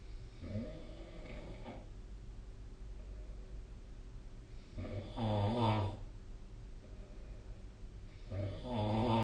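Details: Sleep recording from the SnoreLab snore-tracking app: loud, rough, rattling snores on the in-breath about every four seconds over quiet room noise; snoring.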